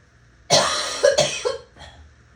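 A quick run of about three harsh coughs in close succession, then a faint trailing breath; rapid repeated coughing.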